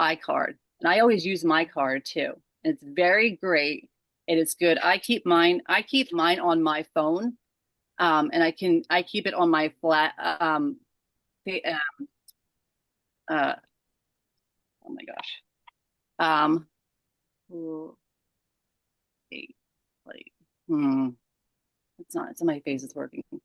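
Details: Adult woman with aphasia after a stroke caused by moyamoya disease at age 37; the stroke happened while she was asleep, her left side was affected first, and aphasia began December 2022.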